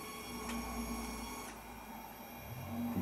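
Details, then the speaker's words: Steady mechanical whirring and buzzing, its pitch shifting as print speed changes, over faint room hum: the strip printer of a Datascope Passport patient monitor printing an EKG plot during teardown testing. "see the print speed changes as it's doing different things who it's putting a long one now oh it's cuz it's been recording for longer"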